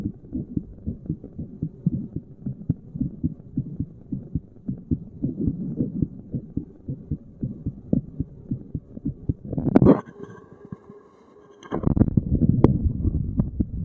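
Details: Resting heartbeat while sitting, self-recorded at one of various spots by a layperson: steady low thumps about 75 a minute, brief handling noise midway; normal heart sounds.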